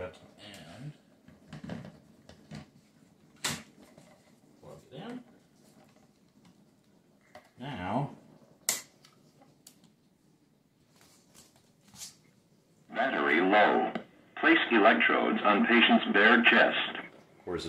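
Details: Clicks and handling noise, then a recorded voice prompt from a Cardiac Science Powerheart AED running on a homemade replacement battery pack, announcing low battery and instructing placing electrodes on the patient's bare chest.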